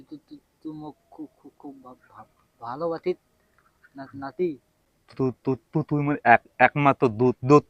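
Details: Adult male, acted comedy; Stuttering (acted).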